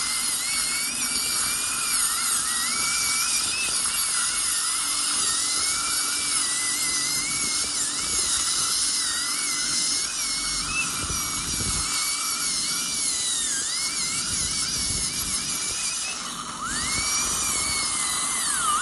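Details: Real patient, crown preparation for porcelain-fused-to-metal bridges replacing extracted right upper second premolar and right lower first molar: steady high-pitched whine rising and dipping with a brief pause; high-speed dental drill.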